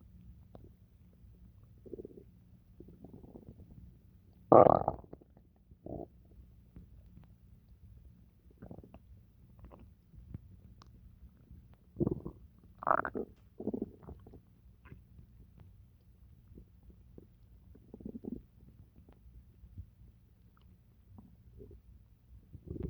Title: stomach noises from pizza